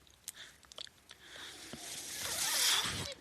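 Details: Speaker's own mechanical ventilator heard in the background of a spoken podcast recording, the machine delivering breaths.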